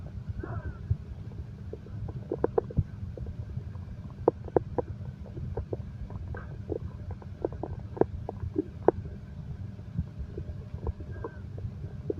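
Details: Stomach growling from an insomnia-relaxation recording of heartbeat and stomach sounds: steady low rumbling with scattered gurgles and pops, continuous growling; ordinary bowel activity.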